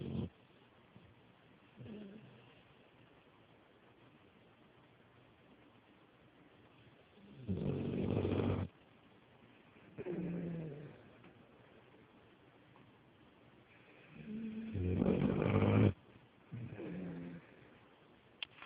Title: My puppy snores hella LOUD